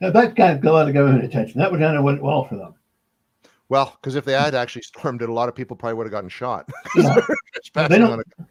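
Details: Adult male speaker; typical speech.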